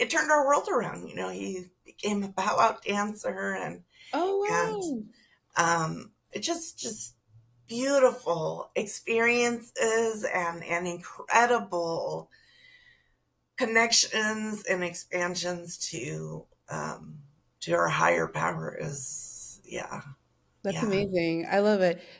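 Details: Adult female teacher with spasmodic dysphonia, which began with stress in her first year of teaching and took two years to diagnose; no cure, treated with Botox injections every few months, recorded at the end of her three-month Botox cycle; spasmodic dysphonia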